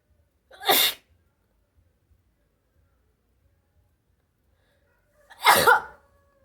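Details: Two separate sneezes, each a sharp explosive burst of air with quiet between them.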